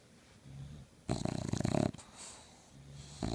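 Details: English bulldog puppy asleep, snoring louder than two adult bulldogs aged 3 and 4: loud rattling snore on each in-breath with quieter soft breaths between; snoring.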